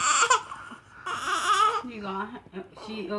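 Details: Fussy baby girl with hiccups crying in short wavering bursts with brief catches between them, in a small room; an unsettled infant's cry.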